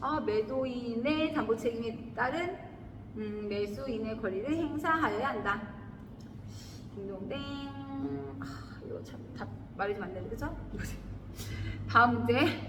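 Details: Adult woman; sleep talking (somniloquy).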